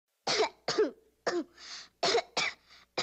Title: Coughing